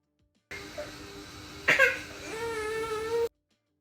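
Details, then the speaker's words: Tired, fussy whimpers building into a sustained wailing cry from a 6-month-old baby boy who has played until exhausted; ordinary infant cry. "अच्छी तरह हुआ था बयान तब तक खेलता रहता है जब तक यह थके रोने वाला नहीं हो जाता खेलते-खेलते"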